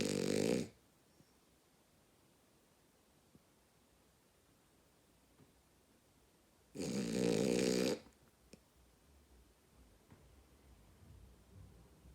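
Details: Sleeping female dog snoring very loudly: two loud, harsh snores about six seconds apart with quiet between them, and a soft voice near the end.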